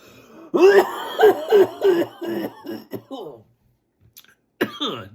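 A rapid run of about seven harsh, voiced coughs, almost laugh-like, then a brief pause and one more cough: a coughing fit.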